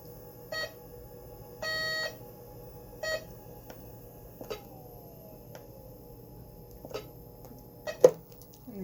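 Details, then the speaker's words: Vapotherm high-flow nasal cannula unit toggled off standby (orange light) in a respiratory therapy training demonstration: intermittent electronic beeps, short and one longer, in a quiet room; device continues beeping until ready. "and then if you want it back on press it again it will continue to beep"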